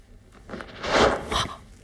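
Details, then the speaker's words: Coarse, crunching grating noise from a knee bent and straightened about ten times, recorded by phone held slightly away from the skin in a real patient; knee crepitus of severe osteoarthritis with badly worn cartilage. "마지막 소리는 더 있어요? 더 심한 분 소리를 들려드릴게요. 더 심해?"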